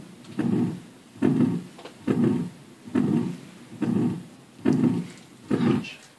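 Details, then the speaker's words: Pulmonic stenosis on an adult thorax simulator, heard best in the pulmonic region and not in the mitral: a harsh systolic murmur filling each beat at about 71 per minute. "okay next we have pulmonic stenosis which is heard in the P pulmonic"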